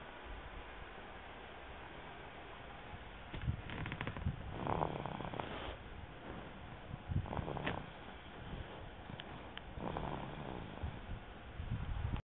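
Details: Baby boy snoring in sleep, recorded on a phone: soft, purring snores repeating about every three seconds over a hissy background.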